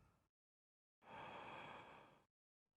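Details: Normal breath sounds on stethoscope chest auscultation in a clinical respiratory examination, patient taking deep breaths through an open mouth: a single deep, soft, airy breath lasting about a second, no wheeze or crackles.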